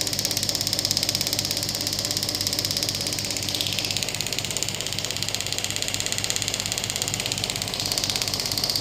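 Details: Rapid, steady, sharp clicking buzz with a faint hum underneath from a Biotronix pneumatic radial ESWT shockwave handpiece run on the demonstrator's hand at low intensity; shockwave device firing.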